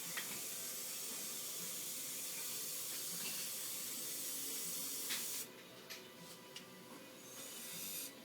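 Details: Dental check-up of a child with many decayed teeth, plaque and bleeding gums; steady hissing water spray, then quieter gurgling suction clicks as water is flushed through the mouth.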